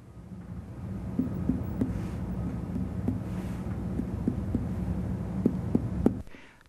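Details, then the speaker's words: Abdominal percussion over the abdomen to assess tympany and dullness: tympany indicates gas in the stomach or intestine, and dullness suggests fluid or feces, a mass or an enlarged organ. "indicates gas in the stomach or intestine dullness suggests fluid or feces note any large area of dullness that might suggest a mass or enlarged organ"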